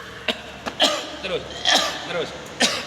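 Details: Cough in someone with a cold and fever.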